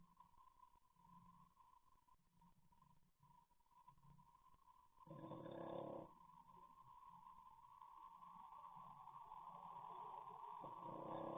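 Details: Loud snoring from a sleeping English Bulldog, a flat-faced breed: low, rumbling, rattling breath noises with a harsh burst midway, over a steady electronic hum, recorded on CCTV.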